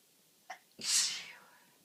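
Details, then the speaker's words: Adult with a cold, uncontrollable repeated sneezing: a quick intake of breath, then one sharp, hissing sneeze, with an itchy nose. "Achoo. Achoo. Achoo. I am full of cold again."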